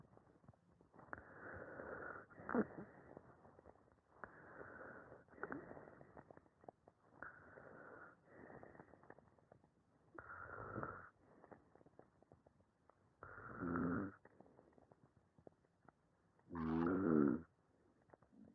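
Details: Sleep study recording of a male patient with normal AHI, ODI and mean saturations, yet obstructive snoring throughout respiratory events; quiet audio with inspiratory clicks.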